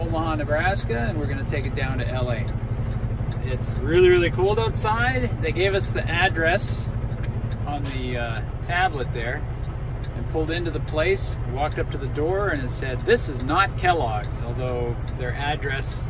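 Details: Adult man speaking; normal voice.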